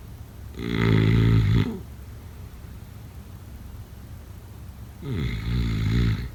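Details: Snoring during sleep, offered as a sleep sound effect: two loud, low, rattling snores about four seconds apart, with quiet breathing in between.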